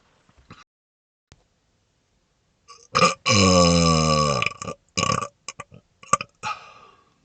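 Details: Smoky burps after inhaling smoke: one long, loud, rumbling belch followed by several shorter belching bursts. Burping.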